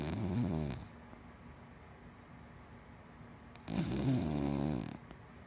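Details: A sleeping black wiener dog and black Labrador mix gives two loud, low, rattling snores about three seconds apart, with quiet breathing between; ordinary dog snoring.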